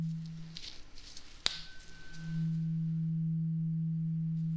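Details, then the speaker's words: Role-played ASMR hearing exam for a patient reporting hearing loss: a sharp strike, then a steady low ringing tuning-fork tone that holds on; the patient reports when the sound stops. "So, what we're going to start with first is a tuning fork. Okay. So, I am just going to hit it and then you tell me when the sound stops."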